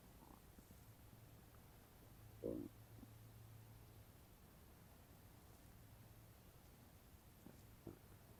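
Against steady hiss, a brief low gurgle and a faint later rumble. Ordinary stomach noises after eating.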